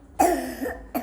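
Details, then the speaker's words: Child with laryngotracheitis affecting the vocal cords and windpipe: two harsh, hoarse, croup-like coughs with a noisy tonal inspiratory sound between them; tracheal cough without phlegm. "gördüğünüz gibi burada Nefes alırken diye bir ses çıkartıyor burada laringo truckey Yani hem ses telleri etkilenmiş hem de şu boru gibi öksürük sesi"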